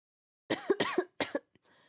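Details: Three quick, harsh, partly voiced cough bursts in a run, with a faint breath after; a lingering productive cough.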